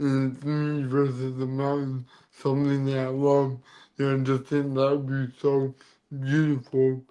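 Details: Adult man born with cerebral palsy, which affects his neck muscles, giving him a deeper voice and making talking hard; dysarthria (cerebral palsy).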